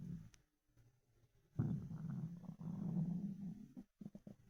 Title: Ravenous stomach rumbles